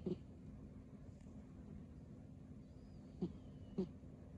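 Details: Sleeping cat snoring: three brief, low snorting breath noises over a steady room hum.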